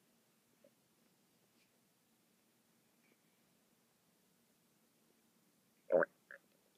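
Near-silence with a faint low hum, then a loud, short gurgling burst and a softer follow-up gurgle near the end: stomach rumbling.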